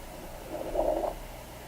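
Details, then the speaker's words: 19 weeks pregnant with twins, home Doppler, heart rate measured around 146: a single brief swishing thump rises out of steady Doppler hiss, a fetal kick. "Let's see if we can catch some of them kicks."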